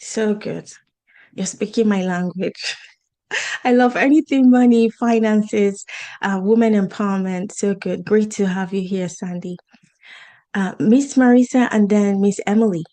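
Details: Adult woman speaking; Normal voice.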